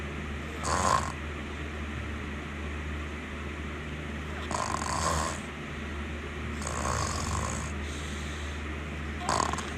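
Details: Snoring during sleep: irregular, moderately loud snorting snores, about 14 a minute, over a steady low background hum.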